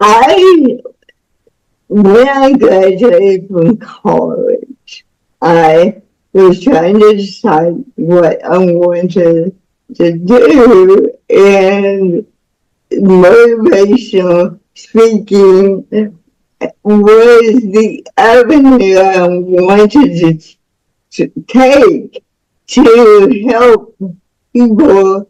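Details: Woman about to turn 49 with spastic cerebral palsy since birth, which she attributes to being born with the umbilical cord around her neck five times; real, unacted speech; speech in cerebral palsy.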